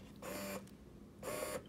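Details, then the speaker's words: Ameda Finesse portable double electric breast pump, hospital-like, used by a first-time mom exclusively pumping for twins: two buzzing motor cycles about a third of a second each with hum between; louder than Spectra, quieter than Bellababy. "but it's a little bit louder than my spectra which isn't too bad because the fact that this is portable so I'm assuming the motor needs to be a bit stronger in case you have the batteries in so I'm assuming that's why it's so loud"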